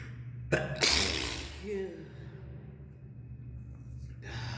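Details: One abrupt, sharp sneeze with a short echo in a hard-walled stairwell, then quiet room noise, recorded during a sneezing fit while climbing stairs; sneeze.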